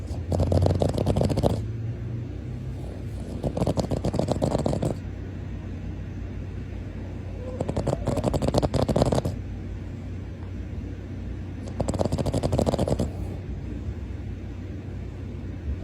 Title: Snoring Boston